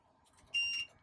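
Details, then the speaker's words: Short, high-pitched beep from an LTV 1200 ventilator as the circuit is disconnected to attach an inline nebulizer, then reconnected; ventilator disconnect alarm. "so the ventilator just beats that expenses disconnect what we do we just connect ourselves"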